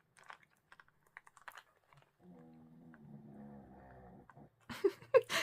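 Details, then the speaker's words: Sleeping pet dog snoring over soft tapping and crafting noises: a drawn-out, low, throaty rumble. "If you hear that snoring, those are my little truffles."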